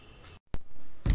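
Two brief, dull, low thumps from a simulated heart, matching normal heart sounds.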